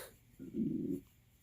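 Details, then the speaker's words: Hungry adult: a brief, low gurgling rumble of about half a second. Audible stomach growling (borborygmi) from hunger. "sorry about my stomach growling I am very hungry and apparently my stomach doesn't care whether y'all hear that or not very embarrassing stomach cut it out"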